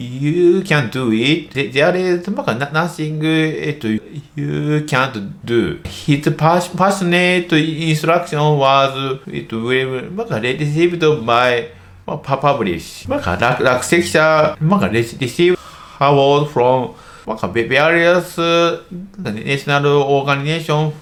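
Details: Stuttering (childhood-onset fluency disorder, a developmental disorder) in an adult male medical doctor who stutters.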